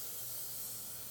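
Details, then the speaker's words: Chairside dental composite restoration: after etching the enamel margin, Clearfil Prime primer is applied and dried with the air-water syringe, heard as a steady high airy hiss; dental air-water syringe. "This is Clearfill Prime. I use the air water syringe. I find it more effective."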